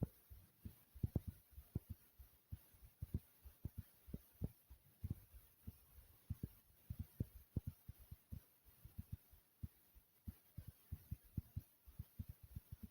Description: In This Video I recorded my heartbeat over 3 minutes thumping pretty hard.